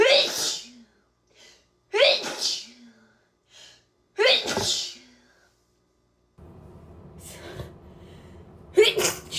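About four forceful sneezes in a row, each with a sharp explosive burst, and some room noise near the end; repeated sneezing.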